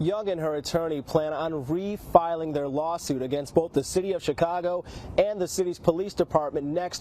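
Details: Adult speaker, news narration; Normal speech.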